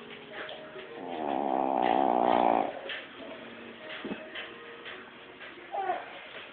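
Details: Loud, rattling, buzzing single snoring breath from a dog over soft room noise; snoring.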